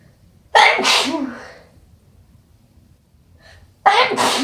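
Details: Two forceful, wet, explosive sneezes a few seconds apart with a faint sniff between, followed by sniffling and a nose blow.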